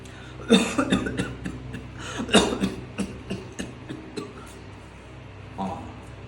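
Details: Night-time cough.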